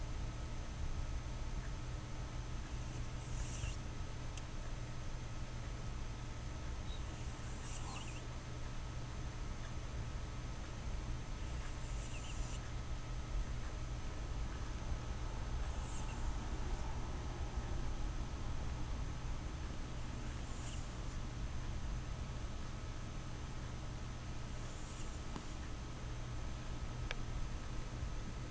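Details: Kimba, who usually snores, sleeping and giving a brief, high, squeaky whistle through his nose about every four to five seconds instead of his usual snore; whistling nasal snore.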